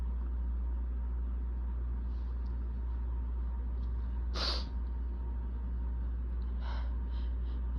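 One sharp, forceful sneeze followed by a softer nasal burst over a steady low hum; allergic sneezing.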